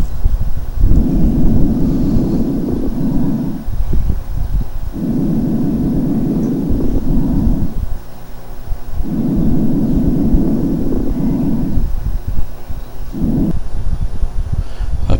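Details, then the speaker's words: Fine crackles (crepitantes, a type of moist rales) on chest auscultation: a fine, soft rubbing noise at the end of each inspiration, from small bubbles forming in the alveoli. "pongan atención al final de la inspiración cómo se escucha ese ruido fino y ese ruido como frote pequeñito que está dado por las pequeñas burbujas que se forman en los alvéolos y que se forman al final de la inspiración"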